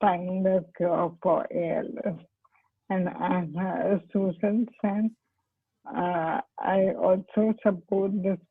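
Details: Dysarthria in amyotrophic lateral sclerosis (ALS/motor neurone disease) in an adult woman, a doctor who is herself an ALS patient, speaking spontaneously.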